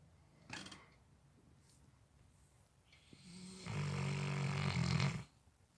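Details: Cane Corso (Italian Mastiff) dog sleeping: a short snort, then a long, loud, deep vibrating snore on the in-breath; heavy snoring in a large dog.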